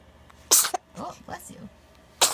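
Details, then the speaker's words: 3½-week-old baby boy with hiccups gives two small, sharp sneezes, with soft baby sounds and a quiet adult voice between them; infant sneeze. "bless you. Oh, bless you."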